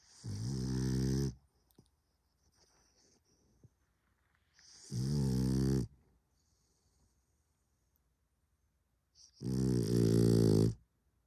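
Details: French bulldog snoring: three loud, rattling snores on the in-breath about four seconds apart, with quiet pauses between.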